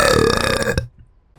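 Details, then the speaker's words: Burping: one long, loud, deep burp lasting almost a second, then quiet, from a burp compilation. "Oh, okay. Nice burp."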